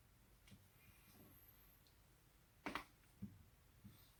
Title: 首鳴らし neck/back crack 172